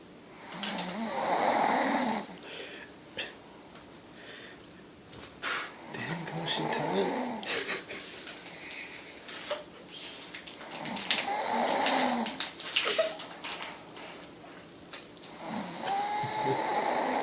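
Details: Rough, noisy snoring breaths recur about 12 times a minute, some with whistly tones, over faint background noise; snoring.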